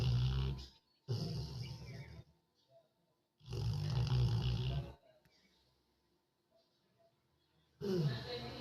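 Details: Dog (female) sleeping, snoring continuously: repeated loud rumbling snores, about 15 breaths a minute, with quiet pauses between; snoring.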